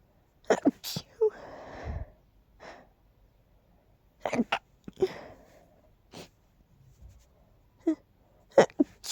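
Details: Run of sharp sneezes with sniffs between them in a quiet room; sneezing from pollen allergy, with a nose that is tickly and stuffy all the time.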